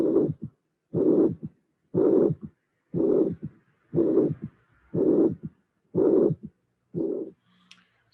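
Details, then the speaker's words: Constructed teaching recording of mitral regurgitation built step by step: first beats with only first and second heart sounds, then the regurgitant murmur appears, then a third heart sound is added at the end. "in this case i didn't mention before we have a third sound appearing at the end so you will have three phases in the construction of the auscultation"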